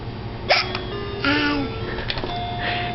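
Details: Small child hiccuping while being prompted to talk and say words: short, abrupt voiced catches of breath against room noise; hiccups.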